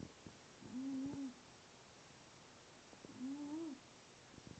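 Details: Wheezing from a cat: two drawn-out, squeaky whistling sounds with each breath, a wheeze from narrowed airways.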